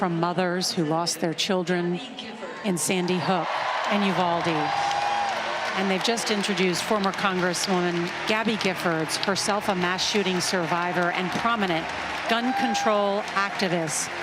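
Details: Adult news commentator; normal speech.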